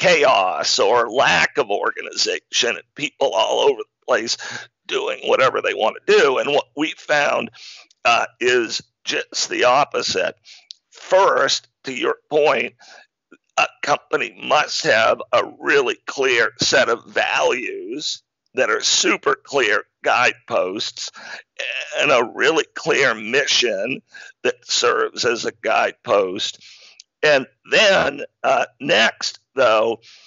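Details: Adult man with spasmodic dysphonia, onset around 2010 and diagnosed in 2012, a rare neurological disorder causing partial voice loss; much improved over about a decade but voice still described as a bit unique; real; spasmodic dysphonia.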